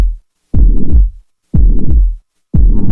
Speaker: Mitro regurgitation. Mitro regurgitation.